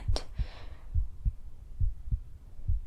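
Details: Normal heartbeat sounds heard through a stethoscope during an ASMR roleplay home cardiovascular examination.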